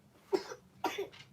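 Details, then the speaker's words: A child recovering from an illness, fever now gone and eating again, gives two short, sharp cough bursts, heard at a distance in a quiet room. "I know you guys hear the coughing, but fever is gone."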